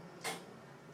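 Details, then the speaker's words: A single short hissing spray burst from a primed metered-dose inhaler, pressed once during a demonstration as the patient inhales deeply; it is the first of two prescribed puffs, followed by a 3–5 second breath-hold. "perfect now order here is for two Puffs so hold it for about three to five seconds"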